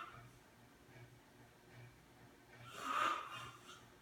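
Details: Snoring during sleep in a quiet room: soft, regular low rumbles followed by a louder snorting breath.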